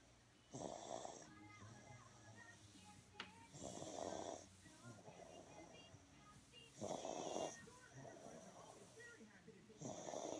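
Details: Sick baby girl with a bad cough, asleep on a caregiver's chest, congested rattly snoring breaths about every three seconds, near 20 a minute, soft music and voices behind; snoring.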